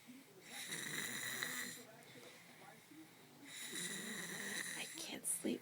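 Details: Two long, whistling, rattling snores a few seconds apart, with faint background talk; very loud snoring.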